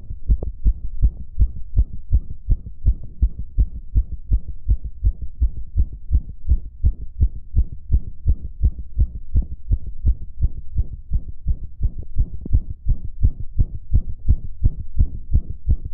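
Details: Male heartbeat recorded shortly after a previous recording, described as fast from pleasure: regular, rapid low thumps at roughly 80 to 85 beats a minute, steady.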